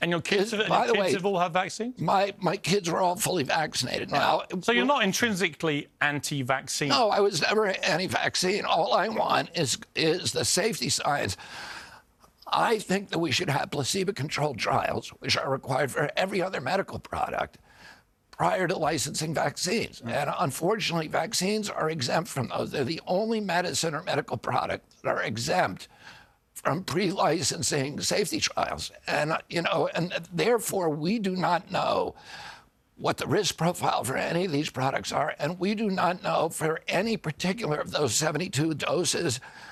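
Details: Adult man, spasmodic dystonia, a neurological disorder, onset at 42 after a 1996 injury; nerve signals tighten strong vocal cords constantly; Kyoto surgery about eight months earlier made voice more reliable; now doing alternative therapies; says voice strengthens with use.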